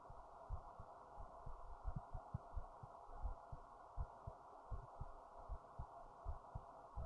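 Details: Person's own heartbeat described as racing after standing up, recorded with a headphone speaker; low muffled beats under a steady hum, about 80 a minute and somewhat uneven.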